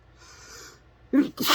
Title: chhinkni sneezes, messy, nose blowing, tissues shown at end 🤧🤧